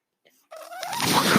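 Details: The speaker's own mechanical ventilator, heard during a spoken podcast recording: brief quiet, then a gliding tone and a rising rush of air, the mechanical ventilator sound.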